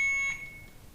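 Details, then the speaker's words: Sharp high-pitched beep of an Alaris IV infusion pump "check IV set" alarm, because no IV set is loaded, during a start-up in-service training demo. "okay here's our first alarm check IB set I don't have the set"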